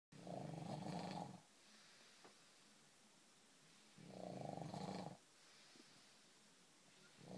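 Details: Snoring in a man who denies snoring: loud rumbling snores on each in-breath, about every four seconds, with quiet out-breaths between.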